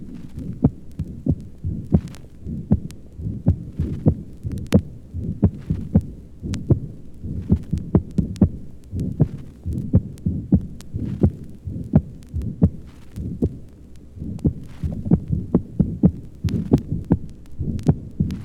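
Steady heartbeat with sharp, prominent paired thumps heard over the upper chest; the second sound is loud, an accentuated pulmonic second sound from pulmonary hypertension.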